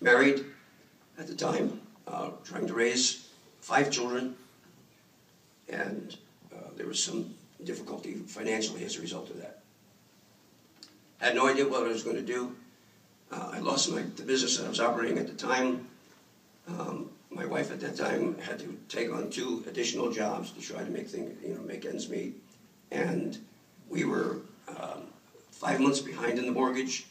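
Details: Dysphonia in an adult male throat cancer survivor, 14 years after treatment with simultaneous radiation and chemotherapy.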